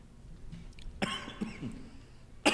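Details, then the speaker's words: Adult male sports commentator coughs on air after a salt kernel from a pretzel caught in his throat. "yes oh you can hear me coughing on that one I had a one of those little salt kernels from that pretzel just got me"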